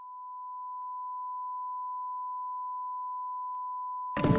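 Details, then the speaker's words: Simulated tinnitus: a steady, high-pitched pure tone representing constant ringing in the ears. "maybe you walk around and you hear a ringing in your ears all the time"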